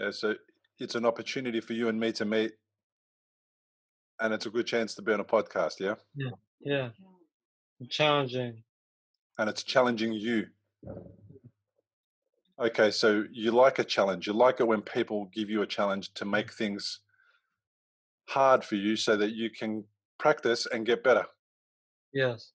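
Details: Young man who had a stroke at age 15 from a ruptured arteriovenous malformation and was left in a coma; three years later he has aphasia, with trouble getting words out but not with understanding.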